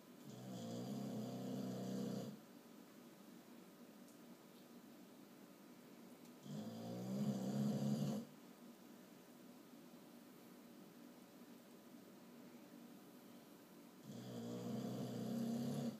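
Three rumbling snores on the breaths in, about 11 breaths a minute, with quiet gaps between; ordinary snoring.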